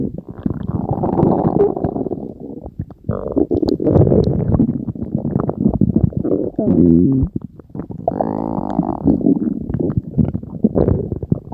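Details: Loud, prolonged low gurgling and rumbling with squeaky tonal stretches from the stomach; stomach growling (borborygmi), normal bowel sounds.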